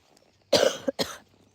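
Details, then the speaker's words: Adult narrator coughs briefly while walking outdoors through a field, heard alongside a clacking bird call; cough. "Sorry, I've got a little bit of a cough there."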